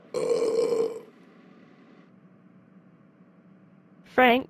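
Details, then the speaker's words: Cartoon-style burping: a single loud, sustained belch, then a short voiced sound, a sound effect in an animated class-burping skit. "I drank 2,000 sodas okay class I'm going to burp"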